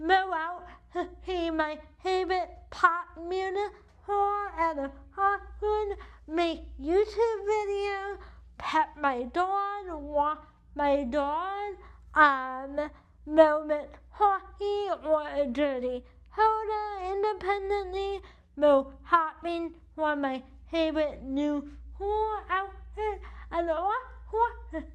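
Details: Adult woman with cerebral palsy affecting the right side of her body, with right arm weakness and wheelchair use; she states CP affects her speech; dysarthria (cerebral palsy).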